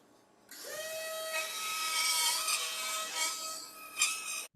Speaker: this sounds like thrilling and that's something we noticed that of course you can understand which tool is getting used very easily just from the audio